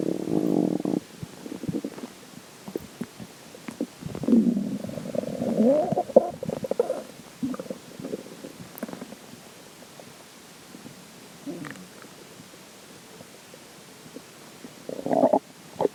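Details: Stomach growling after drinking water: bursts of gurgling, bubbling growls with quieter stretches between; water bottle crackling possible at end; borborygmi.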